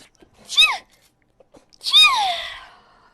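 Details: Two high-pitched sneezes about a second apart, the second longer with a trailing squeal, from a VTuber sneezing compilation; ordinary sneezing.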